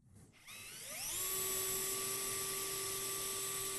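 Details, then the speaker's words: Drill whine rising to a steady high pitch as a sharp drill bit, centered through a drill sleeve, passes through the first cortex of a generic bone model in a soft-tissue-penetration skills-lab exercise; orthopaedic drilling. "now slowly advance your drill until you have the feeling that you have drilled through the trans cortex and then stop okay hold it"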